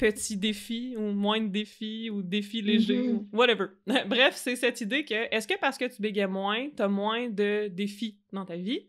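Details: Adult French-speaking woman who stutters, with stuttering that varies by situation; stuttering.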